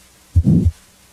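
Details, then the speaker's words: Crescendo-decrescendo systolic murmur of aortic stenosis, first rising then falling in intensity, filling the gap after S1 over two heart cycles in a teaching demonstration. "a crescendo decrescendo murmur as heard with aortic stenosis first rises in intensity then falls"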